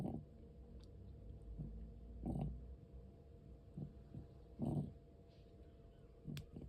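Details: Cat aged 13 years 4 months with asthma: noisy, rasping breaths at about 25 a minute with low grating sounds on each breath. This breathing also occurs during sleep and sometimes stops.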